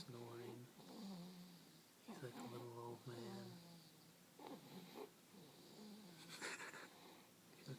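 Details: Baby boy asleep after not napping all day, feet wiggling: soft, low, rumbling snores with light voiced noises and quiet room sound between breaths.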